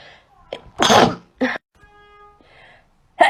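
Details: Sneezing compilation clip linked to hay fever: a loud, explosive sneeze with a short follow-up burst, then a brief musical tone and another sharp burst.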